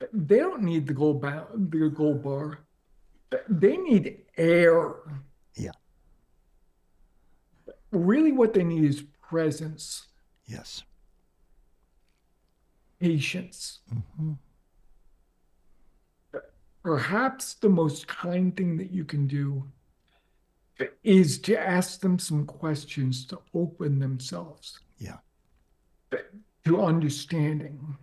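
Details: Adult man with ALS diagnosed four and a half years ago, advanced and nearing end stage, paralyzed from mid-throat down; speaks using a ventilator to inflate his lungs for some voice; dysarthria in ALS.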